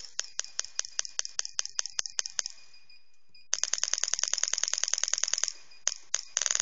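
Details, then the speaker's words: Pneumatic radial shockwave therapy device (LGT-2510B) set to maximum pressure of 5 bar, with a quiet compressor: sharp repeated applicator clicks, first about five a second, then faster bursts after a brief pause. "pressure now only the voice from the applicator the machine you can you can pay attention for the machine the machine is very very silent because we use very powerful uh oil your compressor"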